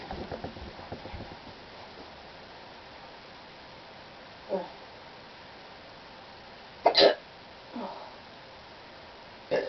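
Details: Four brief, sharp hiccups at irregular intervals, about 24 a minute, after faint rustling and room noise, in a person who got hiccups suddenly while cleaning their room; hiccups.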